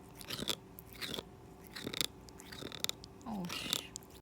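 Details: Cat grinding its teeth: repeated sharp, gritty crunching and grating sounds, about five bursts in four seconds; bruxism.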